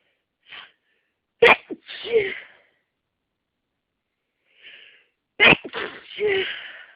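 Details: Two sharp sneezes, each preceded by a quick inward breath and followed by a gasp: allergic hay-fever sneezing from pollen, in the morning before the daily antihistamine was taken.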